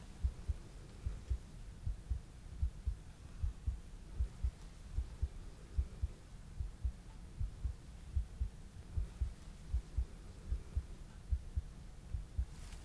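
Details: Simulated ASMR ER exam for palpitations: stethoscope at the upper arm over the brachial pulse, regular low thumps about 75 a minute, steady pulse described as sounding normal.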